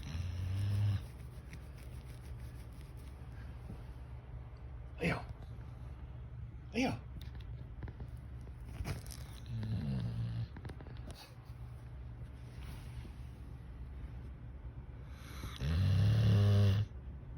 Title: Leo the dog snoring away